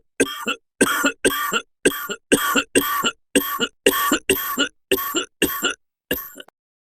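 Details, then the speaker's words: Simulated coughing fit in a narrated audio drama: about a dozen harsh, rapid coughs, with the character wheezing and coughing up a storm until too choked up to speak. "Then, out of the blue, he started wheezing and coughing up a storm."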